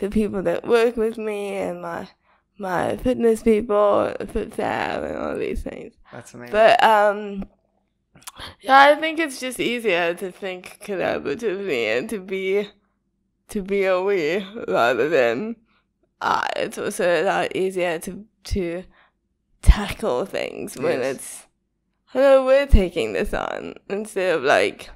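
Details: Dysarthria in a female with cerebral palsy, diagnosed at 11 months old and present since infancy; she says her speech is not very clear.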